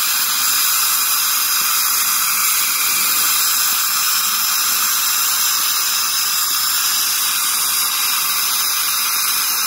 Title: [ASMR] Dental Scaling #satisfying #calculus #tartar